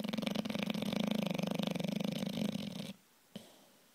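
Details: Bulldog snoring: a rapid, rattling, fluttery snore lasting about three seconds, then quiet; loud snoring of a short-nosed dog.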